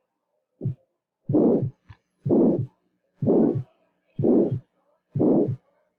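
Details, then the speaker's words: Teaching recording of an abnormal heart: regular heartbeat near 62 a minute, each beat carrying a long whooshing systolic murmur that covers the first sound and stops at the second. "escuché recuerden ese uno soplo es de 2 aquí hay un soplo sistólica"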